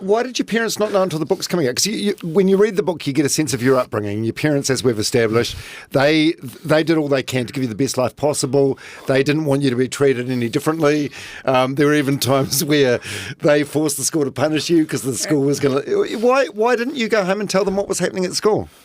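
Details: Adult man; typical speech.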